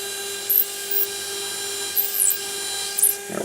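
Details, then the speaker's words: Demonstration on a model lower jaw of drilling osteotomies to full depth with a drill stop, pumping up and down, for 2.4 mm narrow-diameter implants in the anterior mandible: steady high-pitched surgical drill whine with short scraping bursts. "using my drill stop as a guide pumping up and down until i've reached my full implant osteotomy depth pumping up and down and up and down"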